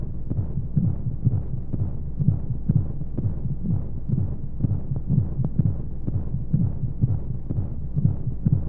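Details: Womb-sound sleep aid for babies: steady muffled heartbeat thumps at about 125 a minute under a constant whooshing white-noise rumble of monotonous flow sounds; heartbeat.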